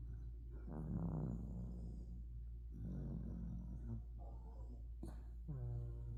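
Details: Overweight dachshund asleep making repeated low, rumbling, fluttery breaths with a slightly tonal edge over a steady low room hum: snoring.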